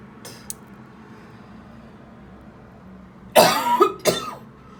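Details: Adult gives two harsh, throaty productive cough bursts after a quiet stretch, sounding like clearing phlegm; productive cough with throat clearing.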